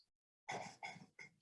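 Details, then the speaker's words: A dog snoring awfully loud in the background of an online talk: three rough, noisy snorting breaths in quick succession after brief silence. "apologize my dog's in the background he's snoring awfully loud so if you can hear that well"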